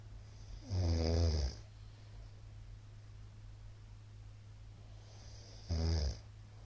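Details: Middle-aged man's loud snoring during sleep: two loud, rattling snores about five seconds apart over a steady low room hum.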